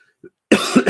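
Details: Adult with COVID-19 (second infection, symptoms started like a cold, worsening to flu-like) gives a single short, forceful cough after a faint throat sound.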